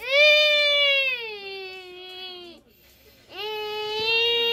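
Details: Infant crying during tummy time: two long, tuneful, sustained wails with a short pause between them; ordinary infant cry.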